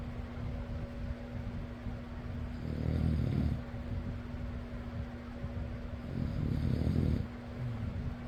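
Two low, rumbling snores on breathing in, about 3.5 seconds apart, over a steady fan hum.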